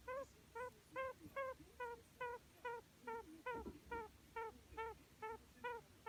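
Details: Budgerigar under treatment with an occasional abnormal breathing noise: regular high-pitched squeaky chirps, about 140 a minute, one with each breath.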